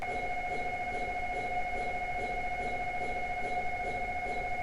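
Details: Steady electronic tones with rapid rhythmic pulsing, a simulated MRI scanner sound played in a wooden pretend scanner during a practice scan while watching a movie and keeping the head still.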